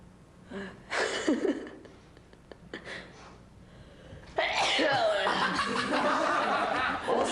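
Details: A sharp sneeze burst on a Japanese TV show, followed by loud laughter and chatter from the studio audience.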